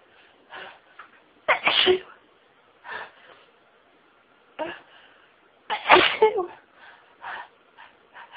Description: Another one of my sneeze fits. It started off fairly slowly but I threw some stifles in and they always make the tickling and tingling in my nose so much more intense and the sneezing became really rapid and really took my breath away.